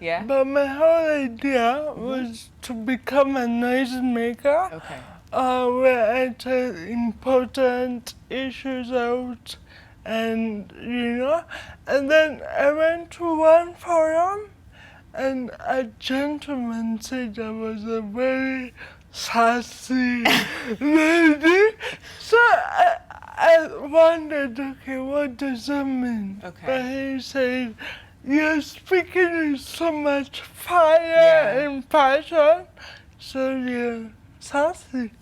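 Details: 25-year-old woman with cerebral palsy caused by lack of oxygen at birth during her mother's prolonged labor, affecting movement, coordination and speech; dysarthria (cerebral palsy).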